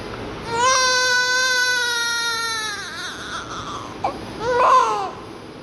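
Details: Newborn baby girl just after birth, during oxygen administration: strong, sustained cry followed by shorter wails, with steady room noise, a vigorous cry.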